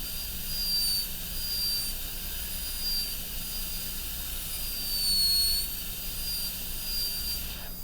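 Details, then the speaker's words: A high-speed dental handpiece extends an MOD preparation facially toward the margin on tooth 29 of an Acadental typodont in a teaching demo, with the burr kept close to the adjacent tooth: a steady high-pitched whine with air hiss. "Again, keep the burr as close as you can to the adjacent tooth so you have the ability to see more accurately where the margin is actually going to end up."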